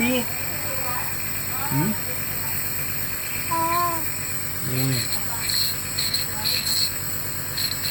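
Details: Steady mechanical drone and hum of a nebulizer compressor running, with brief voice sounds over it, during nebulizer treatment for a very bad cough, the patient cooperative.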